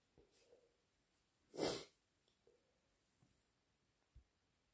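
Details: Induced sneeze during a head cold: a few quiet breaths and sniffs, then one sharp, forceful sneeze.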